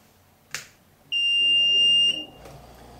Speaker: that beeping was the alarm that's what you will hear also if there's a power outage your power surge